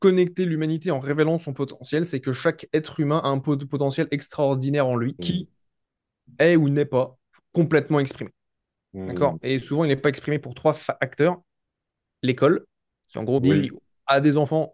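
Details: Adult man with a stutter that may be audible as he speaks, despite giving conferences to hundreds of people; stuttering.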